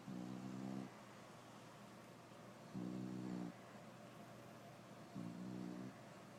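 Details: English bulldog mother snoring while her puppy nurses.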